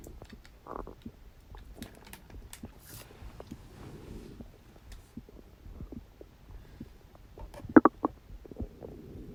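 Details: Stomach growling on a birthday after eating cake, in an adult who has been eating a lot in cold weather: soft gurgles and short rumbling bursts, one louder gurgle near the end; ordinary borborygmi.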